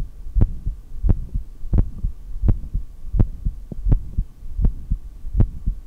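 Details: Steady low heart thumps at about 85 a minute, heard through a stethoscope with no breath noise during a long breath-hold after exhaling.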